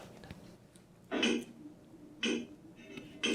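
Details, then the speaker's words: Extracorporeal shock wave lithotripsy (ESWL) for a urinary stone: sharp, loud bangs about once a second over low room noise as shock waves focused by a reflector discharge to break the stone. "들리시죠 빵 빵빵 이게 여기 충격파가 탁 터지는 소리입니다"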